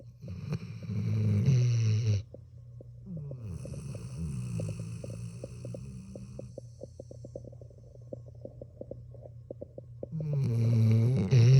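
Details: Dog sleeping with one eye open: loud, low rumbling snores open and close the stretch, with softer fluttering, clicking breaths between them; snoring.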